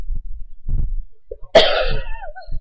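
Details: Annoying cough recorded by webcam: a single sharp, forceful cough against low muffled thumps in a quiet room.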